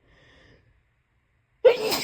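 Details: Tickly sneeze: a faint intake, a pause, then one sudden explosive burst of air; a single sneeze.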